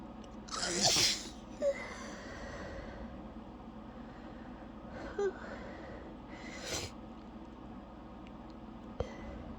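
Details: Sneezing fit of three or four sneezes in close succession, the first loudest, with breathy gasps between; dizzying, uncontrollable fit that left the person breathless and audibly lightheaded by the end.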